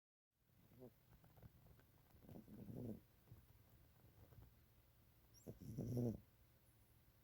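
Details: Maine Coon cat snoring during a daytime nap.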